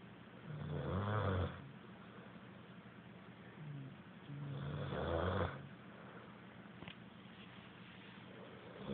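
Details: Low, rumbling, somewhat irregular snores, roughly 15 a minute, over a soft room hum, recorded on an Android phone; snoring.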